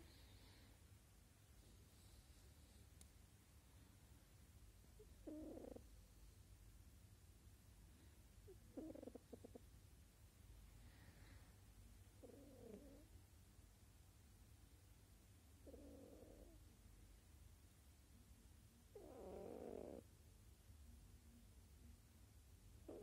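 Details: Sleeping cat snoring: soft, regular snores at roughly 17 breaths a minute over a low steady hum.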